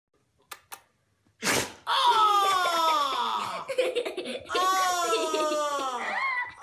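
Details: A dog gives one sharp, noisy sneeze just as its owner tries to kiss it, followed by a person laughing loudly.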